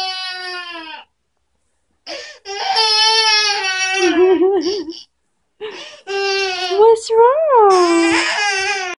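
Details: A young boy cries in loud wailing bursts with sobbing breaks in a small room after repeatedly pressing a button on a toy; infant crying.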